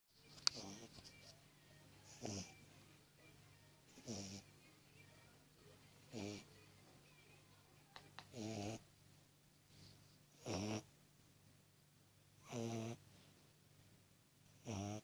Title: Cute tiny Snoring beagle puppy